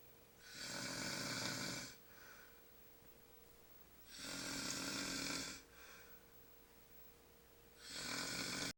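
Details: Sleeping shirtless man, sleep apnea tagged: rough, hissing snores on each breath in, about 17 a minute, quiet breathing out between; snoring.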